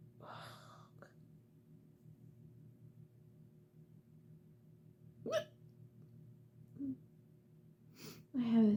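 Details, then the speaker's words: Adult woman with ongoing hiccups at night while trying to get to bed: about five abrupt, brief hiccups spaced irregularly over nine seconds, over a low room hum. "save me save me from these awful hiccups I can't stand them I just want to be able to get my work done and go to sleep"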